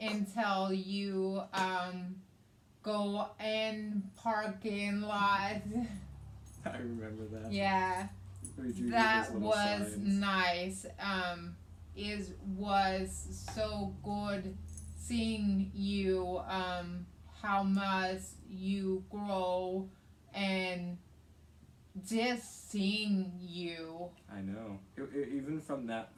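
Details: Adult woman with aphasia and right-sided hemiparesis after a hemorrhagic stroke on May 19th 2020, treated with brain surgery and an ICU stay; aphasia also affects her reading and writing.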